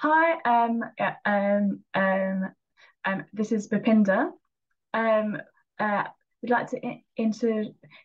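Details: Real stammering in a person who stammers, speaking in an English conversation about stammering.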